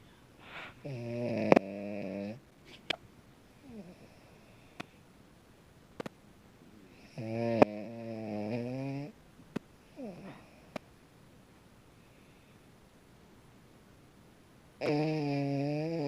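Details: Sleeping French bulldog–pug mix (frug) snoring: loud, tonal snores on breaths, with quiet pauses and faint sniffs between.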